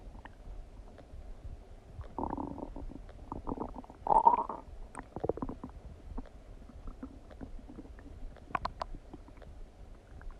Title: Stomach digesting noises after eating some donuts | My Stomach Makes Noises